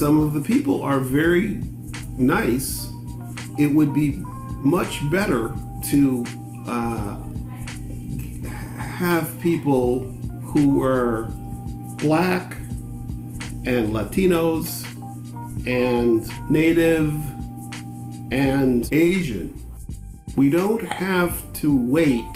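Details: Black man living with aphasia for about five years; aphasia.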